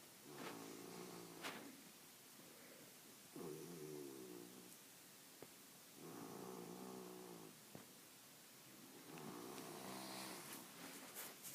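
Buzzing snores repeat with each breath, about 20 a minute, over steady background hiss; snoring during sleep.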